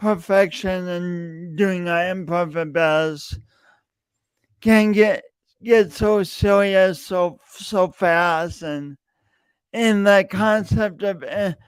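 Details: Speech disfluency with word repetitions in an adult male podcast host with a long-standing speech impediment that he denied for years.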